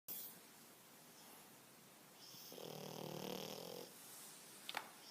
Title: Frence Bulldog snoring 😍